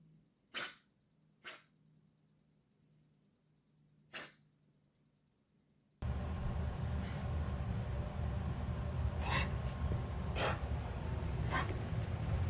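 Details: Recently developed cough in a dog, Ivory: a series of short, sharp coughs, the later ones heard through loud background noise.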